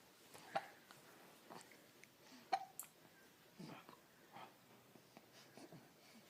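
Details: Infant girl who has just started laughing: soft, quiet infant sounds with a few brief sharp catches of hiccups, and faint background talk.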